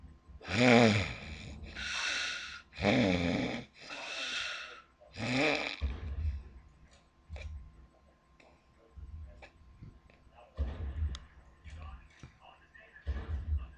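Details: Loud, rough snorts and snores, several in a row, then quieter irregular breathing; a woman sleeping, described as extreme championship snoring.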